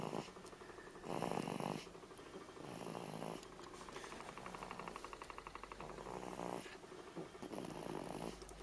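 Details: A sleeping baby boy snoring gently: soft, rhythmic rasping breaths repeating every few seconds with quiet gaps.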